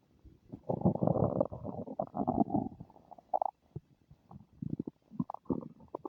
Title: My stomach is making unfamiliar noises ;-;